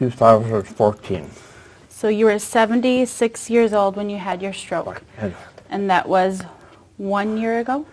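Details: Adult female speech-language pathologist, possibly with a brief second voice; typical speech.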